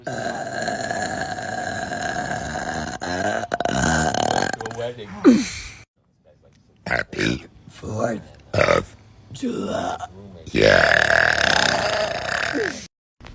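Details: A long, loud voiced belch with a rumbling tone from a girl, followed by several shorter burps separated by pauses, from a burping compilation; ordinary burping.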